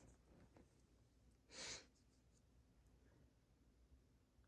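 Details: Induced sneeze: a single short, muffled hissing burst, half-stifled, against quiet room noise.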